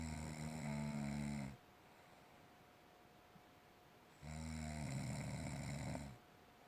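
Two long, loud, buzzing snores on breaths in, separated by a quiet pause, in a small room.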